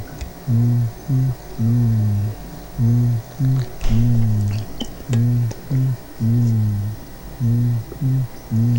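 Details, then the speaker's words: Stethoscope auscultation of vocal resonance in a patient with normal lungs asked to say "99"; the words are muffled and not clearly intelligible; normal vocal resonance. "cuando le pedimos que diga 99 en un paciente con pulmones normales se escucharía hace"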